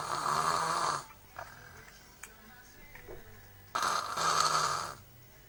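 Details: Heavy snoring: two loud, harsh, rattling snores about a second long each, separated by quiet breathing.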